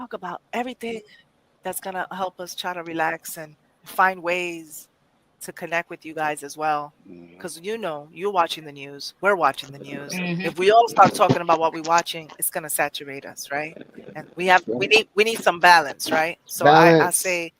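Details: Adult speaker; normal speech.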